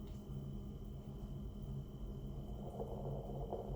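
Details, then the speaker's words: Antepartum assessment: fetal heart tones heard on Doppler over the firm part of the abdomen (baby's back), about 150 bpm, a fast, muffled rhythmic whooshing within the normal 110–160 range; normal fetal heart tones. "right at 150 so between 110 and 160 is normal so 150 is perfectly normal"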